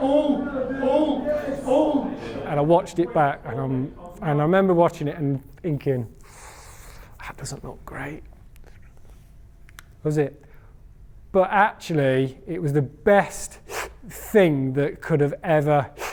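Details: Stammering (stuttering) in an adult man who stammers, giving a talk on stammering.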